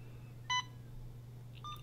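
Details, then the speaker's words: Alaris IV infusion pump in a nurse training demonstration with no IV line loaded yet, Start pressed to deliver a programmed medication: a single short electronic beep over low room hum, then a fainter tone. "started the machine will start to deliver the medication you have put in"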